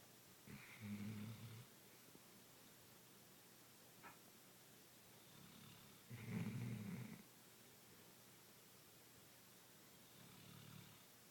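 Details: Soft, low rattling snores about every five seconds in a quiet room, with a few fainter breaths between; ordinary snoring during sleep.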